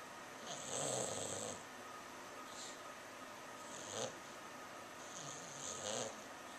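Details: Snoring from Milton, a sleeping English Bulldog who also barks and runs in his sleep: repeated rough, rasping snores of uneven length with quiet gaps, over low room noise.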